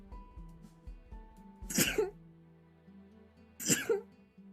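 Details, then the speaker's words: Two short, explosive sneezes over background music, each a sharp burst of breath and noise; an ordinary, normal-sounding sneeze from a streamer; sneezing. "oh that's your sneeze what it's just so cute it's a normal sneeze i can't believe the whole time you were trying to kill us you had the cutest sneeze of all time"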